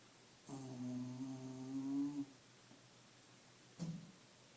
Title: Scottie snoring like a Mac truck